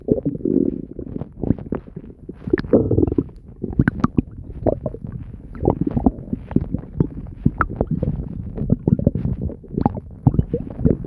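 Continuous gurgling and bubbling from the abdomen, frequent low rumbles and pops throughout: active bowel sounds.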